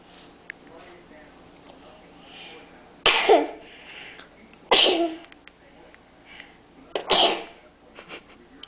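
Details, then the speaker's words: Young child sneezing after blowing pepper on her cottage cheese into her face: three forceful sneezes in quick succession, about two seconds apart, with faint room sounds between; sneezing. "bless you do you know why you're sneezing I blow yeah you were blowing pepper all over your face"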